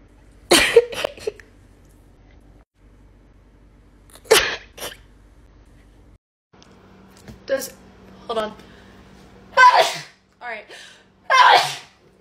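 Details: Several separate sharp sneezes from a female, some in quick pairs with short gaps between, from a compilation of rapid sneezes; ordinary sneezing.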